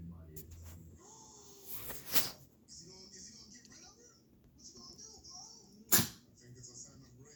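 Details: Two short, sharp, explosive coughs from a dog a few seconds apart, over faint background music and voices.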